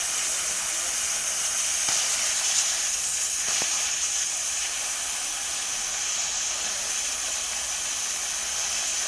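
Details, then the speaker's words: Dental air-water syringe rinsing phosphoric acid etch off a tooth during a sealant procedure demonstration: steady high hissing spray with a couple of brief clicks. "And then we put this right on top here, and then air and water to really get off there. Okay, and then water for 30 seconds."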